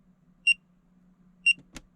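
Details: Two short high beeps about a second apart, then a faint click, from a MED LINKET AM801 5-in-1 fingertip pulse oximeter (SpO2, pulse, temperature, perfusion index) during a finger reading; pulse oximeter beep.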